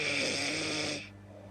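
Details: Simulated snore by a man in a Hindi comedy sketch: one loud, rough, buzzing snore of about a second, then quiet, while a companion complains about the loud snoring.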